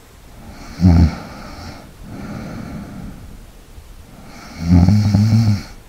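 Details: ASMR snoring and light breathing recording for relaxation: two low, fluttering inward snores separated by softer breathing in a quiet room, typical sleep snoring.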